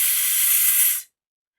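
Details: Demonstration of correctly produced Polish /s/, air flowing along the tongue with teeth together and lips smiling; correct /s/ articulation.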